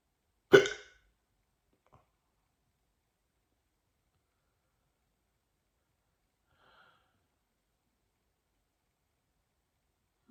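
A single sharp, abrupt hiccup in a quiet room, followed by near silence; a typical hiccup sound.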